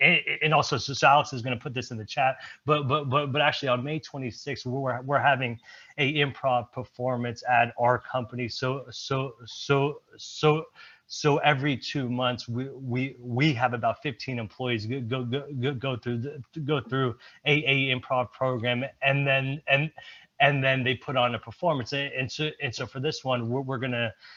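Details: Real stuttering in an adult male presenter at a stuttering-community event, who reports blocks and repetitions; this stretch has word and phrase repetitions.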